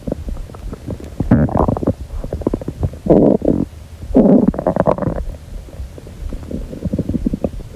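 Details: Hungry girl's stomach growling: loud, gurgling, rumbling noises with bubbling pops and longer growls; ordinary hunger bowel sounds (borborygmi).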